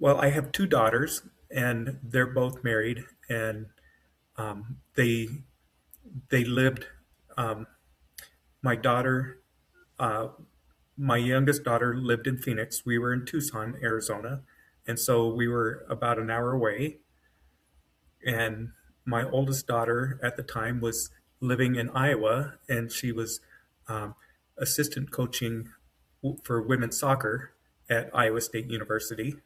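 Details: Adult man with self-rated mild to moderate aphasia after an AVM brain hemorrhage, surgery and a 10-day medically induced coma, with right-side paralysis and foot drop; word-finding trouble, brain faster than mouth; aphasia.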